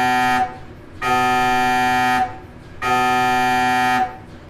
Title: An MRI machine, but with subtitles